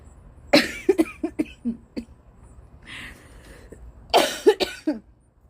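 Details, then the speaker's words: Adult woman with a lingering cough after a cold: two bursts of repeated coughing; post-viral cough. "बहुत खांसी आती है बहुत ज्यादा। लिंगरिंग कॉफ रह जाता है। आपको पता ही होगा सर्दी के बाद में।"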